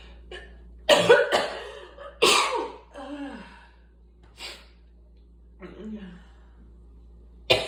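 An adult gives about five harsh, separate coughs, some with a voiced, groaning tail, amid quiet room noise; an asthmatic cough.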